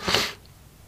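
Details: An adult man with bronchitis and laryngitis gives a single quick, sharp, hissing sneeze that fades into a quiet room.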